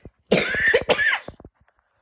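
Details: Adult on a sick day with an illness caught over the weekend (hopes it's not COVID): two short harsh coughs in quick succession while talking, then quiet.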